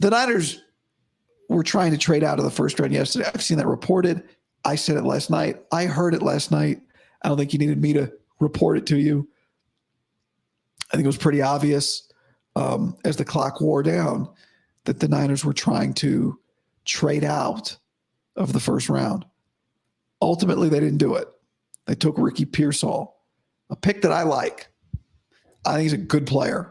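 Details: Male host with dysphonia about five to five and a half weeks after vocal cord surgery; he reports daily improvement but likely unchanged from yesterday after heavy voice use and no sleep.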